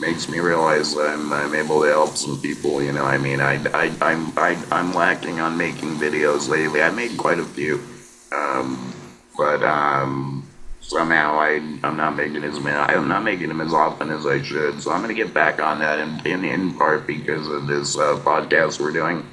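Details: Laryngectomee man who speaks with an electrolarynx (artificial voice) and gets scoped regularly; electrolarynx speech.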